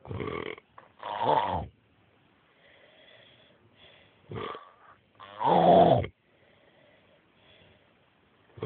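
Snoring heard as short, rattling breath sounds in pairs, with quiet stretches between them.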